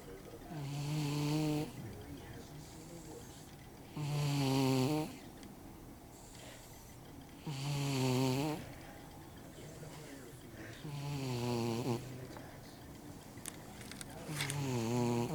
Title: cat that snores